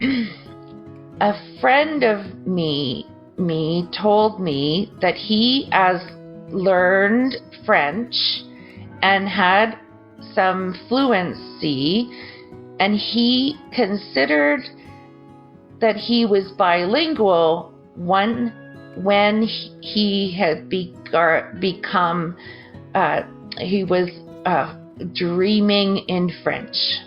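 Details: Broca's aphasia after stroke injuring the Broca region of the brain; choppy, garbled, unfluid speech with word-finding difficulty.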